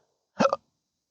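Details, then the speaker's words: Single abrupt hiccup with a sharp vocal catch in a quiet room, from a person with a rare chronic disabling hiccup and burp condition since December 2015 after surgery with nerve damage; hiccup. "I mean um especially when with the condition that I have uh makes you almost a hermit and uh uh just doing anything social is often ruined by these hiccups."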